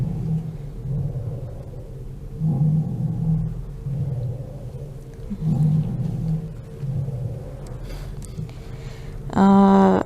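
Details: Child with an asthma attack, virtual simulator, back chest auscultation at manufacturer-recommended points: repeated breath cycles with low, musical, droning tones throughout, asthmatic wheezing; a brief loud tone intrudes at the end.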